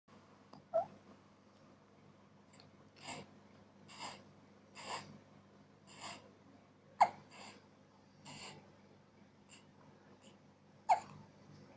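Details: A 4-day-old baby: soft breathy breaths broken by three sharp abrupt catches about four seconds apart; infant hiccups.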